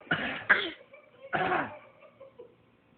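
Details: Young girl copying her mother's cough: two quick coughs and a third cough, an imitated rather than real cough.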